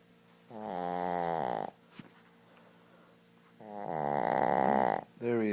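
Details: Loud, drawn-out rattling snores on inhalation, each about one second, separated by quiet exhalations, from a sleeping Shih Tzu dog; very loud snoring.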